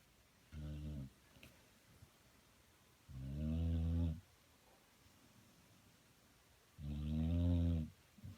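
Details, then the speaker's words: Snoring in a pet pit bull while a man tries to sleep nearby: three deep, buzzing snores separated by quiet pauses, about 16 a minute, in a quiet room. "You're snoring. You're snoring. I said you're snoring. Stop snoring."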